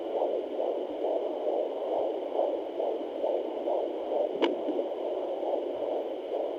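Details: Home Sonoline fetal Doppler at 21 weeks pregnant: rapid, regular whooshing fetal heartbeat, about 136–138 beats a minute, a boy.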